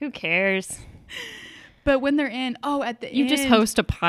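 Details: Woman with a lisp newly developed after recently starting Invisalign clear aligners that are changing her bite; worse with aligners in, painful s sounds, improving over about a week; lisp (sibilant distortion).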